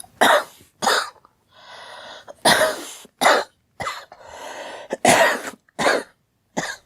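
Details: Girl coughing: about seven loud repeated coughs with wheezy-sounding in-breaths between them; repetitive cough.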